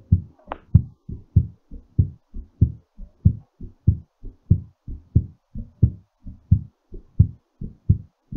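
Quick, steady lub-dub heart sounds, about 95 beats a minute, as the heart recovers after exercise; a normal recovery heartbeat.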